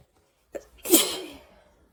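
A single sharp sneeze with a brief intake of breath before it, in a quiet room.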